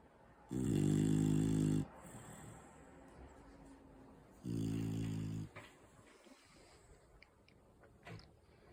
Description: Hank is my four-month-old Beagle Bull my girlfriend and I adopted a week ago. We didn’t expect a puppy to snore like a grown man!